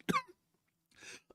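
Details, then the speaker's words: Adult livestreamer who says their cough is worsening: one short, sharp cough followed by a quieter breathy clearing sound. "I'm going to have to start moving through them quick folks because I'm going to start coughing worse"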